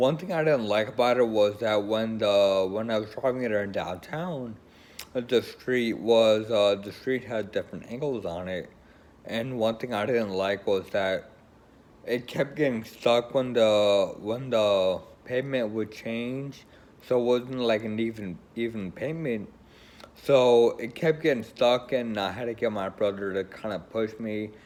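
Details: Woman with Friedreich's ataxia, a progressive neurological condition affecting coordination, who uses a wheelchair; ataxic dysarthria (Friedreich's ataxia).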